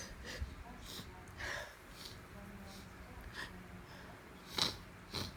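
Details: Repeated sneezing in a female with allergies on top of a cold: a run of short, sharp nasal bursts repeating over a few seconds in a quiet room.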